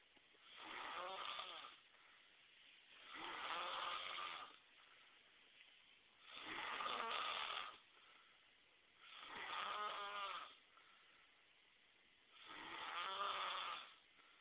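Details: Regular rattling snores on each breath, about 20 breaths a minute, with quiet pauses between; snoring.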